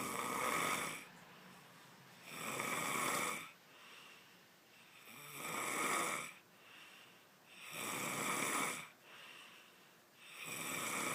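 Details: Loud snoring during sleep: rhythmic rasping snores on each breath in, with quieter breaths out, about 12 breaths a minute.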